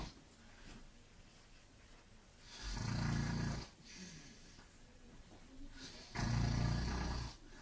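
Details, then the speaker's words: Male roommate snoring for hours: two loud, low, rattling snores on inhalation, separated by quieter breathing. "He's been snoring for hours and I can't [ __ ] sleep."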